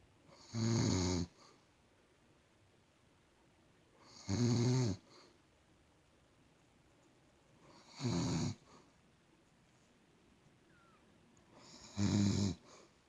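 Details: Four evenly spaced, loud rumbling snores with quiet gaps, about 16 breaths a minute, from an elderly woman (grandmother) sleeping; regular snoring.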